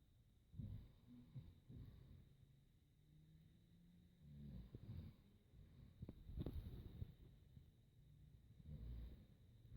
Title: Snore tennis